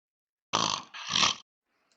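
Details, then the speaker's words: Human snoring sample from a dataset of snoring recordings (WAV files) used to train a deep-learning snore detector for a vibrating pillow: two rough, rattling noisy breaths in quick succession. "Eee, bir de bir olanlar var. Eee, bu da horlama seslerinin vav halleri."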